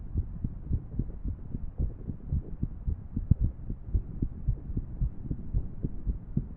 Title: #142 アレな心音の3D心臓モデル動画 Female 3D Irregular Heart Model